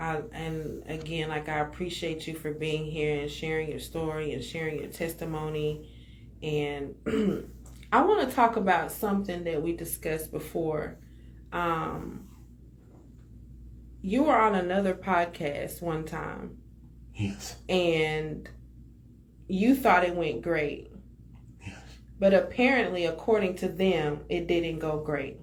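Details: Adult speaker; normal speech.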